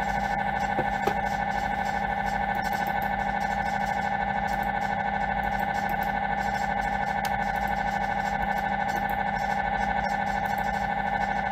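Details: Loud, steady mechanical buzzing drone with rapid rhythmic pulsing, about 150 pulses a minute: MRI scanner noise during a scan.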